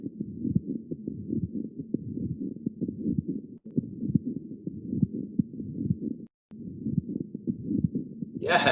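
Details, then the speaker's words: Patient whose infective endocarditis has spread to the pericardium; three-component scratchy pericardial friction rub heard on cardiac auscultation, indicating pericarditis. "because we heard that pericardial friction rub we knew that the pericardium was involved"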